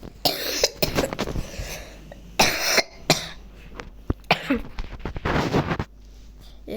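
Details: Boy coughing while playing a chess lesson game: several harsh, forceful coughs in quick bursts with a faint hum behind.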